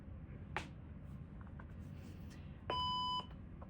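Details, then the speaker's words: Power-on beep of Life Pack 15 and Life Pack 20 defibrillators, switched on by holding the on button during a routine 24-hour check: a steady electronic beep of about half a second over room hum. "So, I'm going to do these kind of simultaneously. To turn it on, you're just holding down the on button for both."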